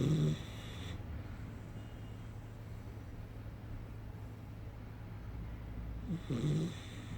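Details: Snoring from either a dog or a human, left unrevealed: two low, rumbling snores, one at the start and one near the end, with a long quiet gap between.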